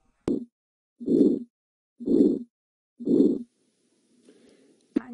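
Four harsh, swelling-then-fading systolic murmurs at about 60 a minute, typical of aortic stenosis.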